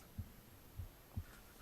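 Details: Soft low heartbeat thumps about every 0.5 seconds, roughly 100 a minute, recorded on the left side of the chest while the person reads a book aloud for ASMR; ordinary heartbeat.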